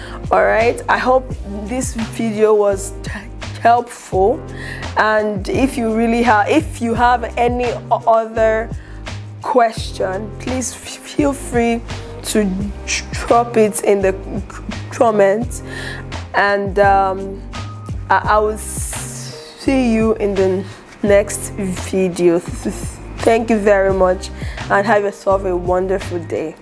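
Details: Adult woman who stutters and is an aspiring public speaker, who has just started speech therapy; she reports mouth shaking, eye twitching and substituting words to avoid stuttering; stuttering.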